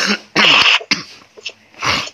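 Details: A few harsh cough and throat-clearing bursts over a video call from a woman in Makassar with a cough lasting years and constant runny nose; chronic cough.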